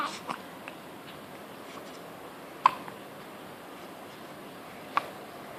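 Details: Two brief, sharp hiccups a few seconds apart in a quiet room, consistent with a child's hiccups.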